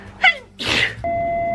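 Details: Girl with allergies sneezing: a quick sharp intake, then one forceful sneeze burst, followed by a steady electronic tone.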